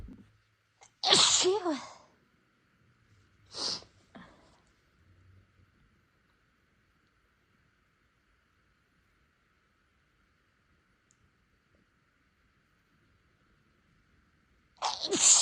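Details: A few loud, sharp sneezes with quick in-breaths between, deliberately induced by nose tickling in someone without allergies whose nose seemed sensitive after spicy food; sneezing.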